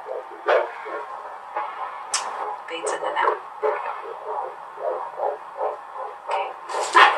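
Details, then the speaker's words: Fetal heartbeat on Doppler at a 16-week pregnancy checkup: rapid, regular whooshing pulses in the 150s per minute, fading in and out. Normal, healthy fetal heart rate. "Oh, yeah. 150s. Good. Sounds good. Yay! Okay, so... Healthy baby."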